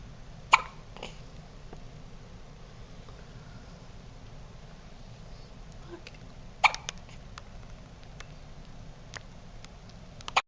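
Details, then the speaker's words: Newborn girl's first hiccups in hospital at 4:30 a.m., ongoing a couple of minutes, after a diaper change: soft, sharp little catches at irregular intervals, a few in ten seconds. "it's like 4:30 on the 16th 4:30 in the morning she's had the hiccups for like couple minutes"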